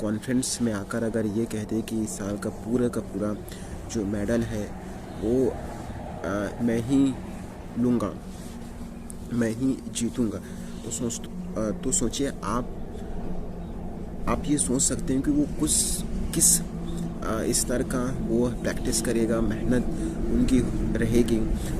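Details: Adult male speaking Hindi on day 51 of a 90-day speaking practice with yoga, meditation and breathing exercises to overcome his stammering; word repetition heard; stuttering.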